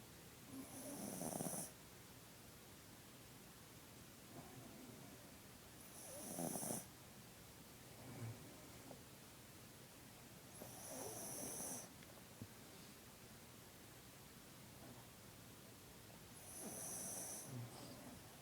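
Rhythmic rattling snores during sleep, each with a hissy edge, about 13 breaths a minute with softer breaths between.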